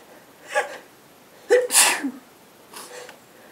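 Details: A few sharp, breathy sneeze bursts with brief in-breaths between them in a quiet room, from a couple sneezing and blowing their noses; sneeze.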